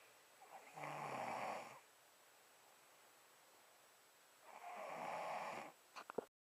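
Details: Adult man who denies snoring: two long rattling snores on breathing in, separated by a quiet pause in a still room; ordinary snoring.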